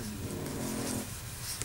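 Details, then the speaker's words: Sleeping 7-month-old female dog with a small nose problem snoring in a quiet indoor room: low, rumbling, slightly tonal snore. "Alors si vous entendez un petit peu ronfler, ce qui doit être le cas, c'est ma petite chienne de maintenant 7 mois qui ronfle quand elle dort parce qu'elle a un petit souci avec le nez et puis voilà."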